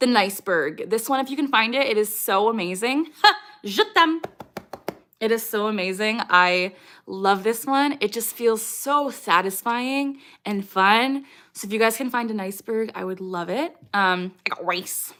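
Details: Woman with moderate Tourette syndrome, diagnosed at age 12, with motor tics and mostly echolalic vocal tics such as "I got rice", "JT Miller" and "je t'aime"; vocal tics (Tourette syndrome).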